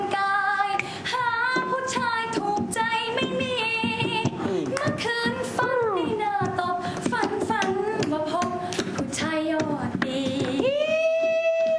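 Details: Female audition contestant singing, who says she has never had a clear voice; judge attributes her hoarseness to wrong voice use, with air escaping through the vocal folds on high notes and possibly too high a speaking pitch; hoarse singing voice.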